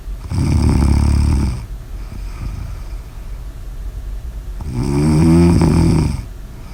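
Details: Two loud, deep, rattling snores on the in-breath separated by a quieter out-breath; heavy snoring.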